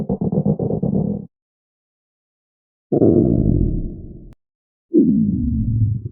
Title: Hungry stomach growling sounds for videos 😋🥪